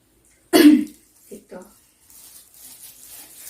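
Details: Nursing-school practical role-play of the deep-breathing and effective-cough technique for sputum collection: after deep breaths in through the nose, the patient gives one strong cough on the third breath, then two small throat-clearing sounds.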